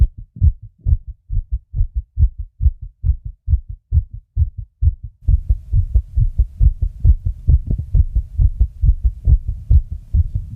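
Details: A fast heartbeat (tachycardia) at about 136 beats per minute: rapid, regular low thumps, with a steady background hum joining halfway.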